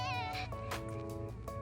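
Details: Adult woman with Tourette syndrome making one of her repetitive vocal tics during conversation, with background music playing.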